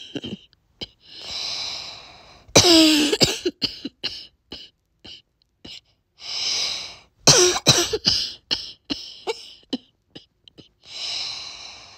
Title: barky whiny cough